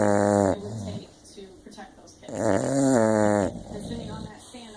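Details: Sleeping dog: two drawn-out, whiny, voiced, dainty snores with soft breathy sounds between them; snoring.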